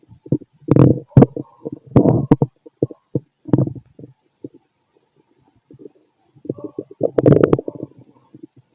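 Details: Bursts of gurgling and rumbling with short quiet gaps: active bowel sounds (stomach growling) from a fit adult male, heard through a stethoscope on the abdomen.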